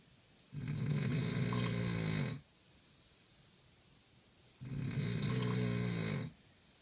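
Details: Heavy snoring during sleep: two long, loud, rattling snores about two seconds apart, with quiet breathing out between them.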